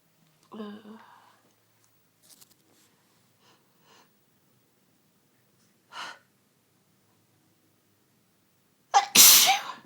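A soft voiced sneeze and a few faint breaths, then a loud, sharp sneeze at the end, part of a sneezing bout.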